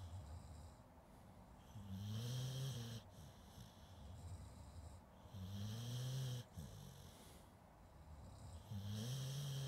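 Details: Sleeping dog recorded with a Zoom H2N; the recording also includes some people snoring: slow, regular, low droning snores with a faint whistling edge, about 18 breaths per minute, over steady room hiss; snoring.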